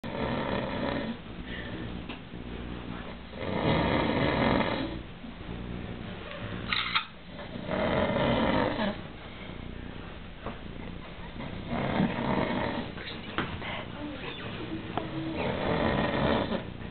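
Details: Man passed out asleep and snoring; loud, rough snores in repeated cycles, about four over seventeen seconds, with quieter breathing between them in a small room.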